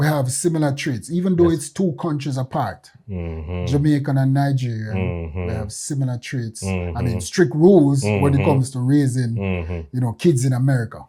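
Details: Adult male speaker; normal speech.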